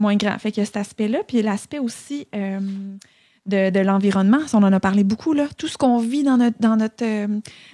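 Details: Adult woman who stutters, a master's candidate in speech-language pathology, speaking French; stuttering.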